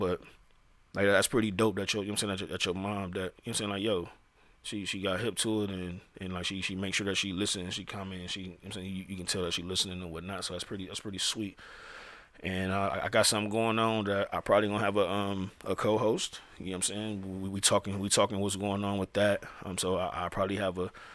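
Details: Adult male who says he stutters; real speech with repeated phrases; finding: stuttering.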